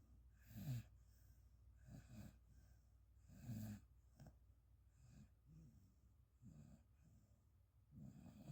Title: Listen to my snoring boy!